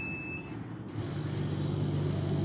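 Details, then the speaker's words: Home oxygen concentrator, 110-volt unit run through a 220-to-110-volt converter, with water humidifier bottle attached: a brief high beep as the power button is pressed, then a low motor hum building steadily as it starts up. "now we will start the machine the first step is we just press the button"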